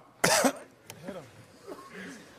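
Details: One loud harsh cough followed by throat clearing and strained, gravelly voice sounds as a man coughs and chokes mid-show, as if something went down the wrong way.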